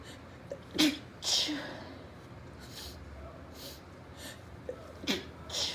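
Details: Female sneezing repeatedly all day, cause unknown; a run of quick, sharp, hissing sneezes, about five to six in under six seconds, a sneezing fit.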